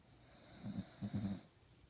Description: My Puggle, Josh, snoring